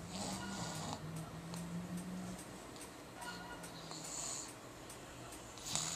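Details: Rough, rumbling breathing with a low vibrating tone and clicks over background noise, recorded 2012; snoring.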